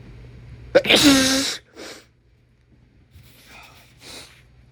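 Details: Adult male with a cold, sore throat from sneezing and feeling tickly; a sharp breath in, then one forceful, loud sneeze, followed by softer sighing breaths.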